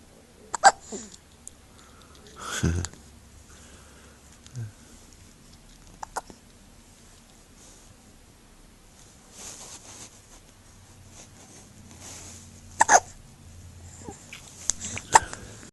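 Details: Infant hiccups after eating, as every time: short, high, squeaky hiccups like a squeeze toy, about six over fifteen seconds, quiet room.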